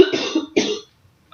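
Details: Two short, voiced coughs from an adult woman who is under the weather and hoarse, then quiet.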